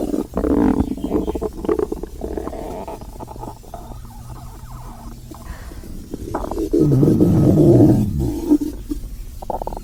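Long, low, gurgling rumbles that rise and fall, ending in a louder growl; normal hunger stomach growling.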